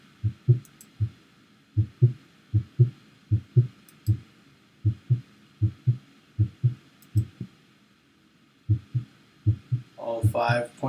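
Steady paired heart sounds at about 78 beats a minute, with a brief noise at the end; normal S1 and S2, regular rhythm.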